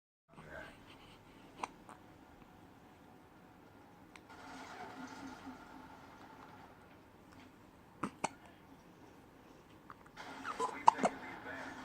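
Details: Hiccups in a kitten a few days old: a few soft abrupt clicks or jerky catches spaced seconds apart with faint rustling in a quiet room.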